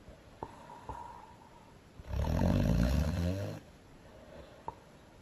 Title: Frozen - Elsa snoring loud